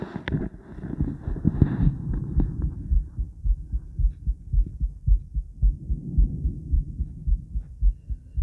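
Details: Woman's heartbeat recorded around 50 squats, with blood pressure taken: steady low thumping at roughly 110 a minute, with some noise early on; a quick regular rhythm after exertion.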